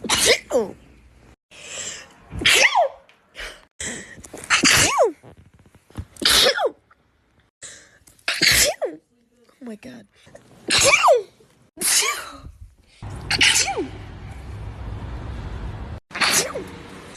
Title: sneeze compilation